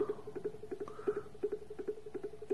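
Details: Harvard Apparatus Pump 11 Plus precision syringe pump running a set 10 ml infusion: steady soft mechanical ticking in rapid regular pulses with a faint hum from the motor; syringe pump running.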